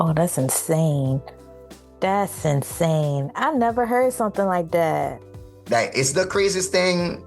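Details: Adult speaker; normal voice.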